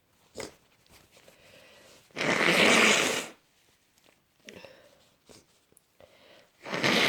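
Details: Person with a cold, exhausted and worsening cough, sneezing: one forceful, noisy sneeze-like burst with smaller breathy sounds and sniffs around it.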